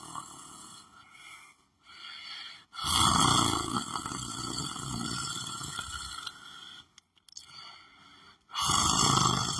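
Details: Person sleeping while lying on the floor of a room: loud, rough snoring breaths with brief pauses over a steady high hum of room noise; snoring in sleep.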